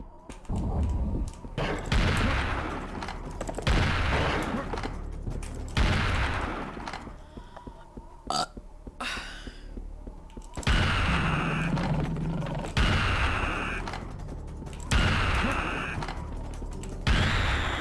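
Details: Burps recorded through the year, compiled: about eight long, deep, rumbling burps in a row over loud, noisy background; repeated burping.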